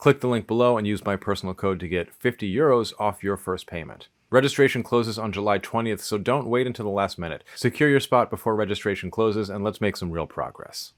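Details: Adult male speaker; normal speech.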